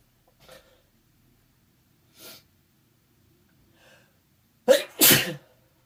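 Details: Person allergic to their cat, eyes watering, with the cat nearby. Several soft sniffing breaths build to two loud sneezes in quick succession; repeated allergic sneezing.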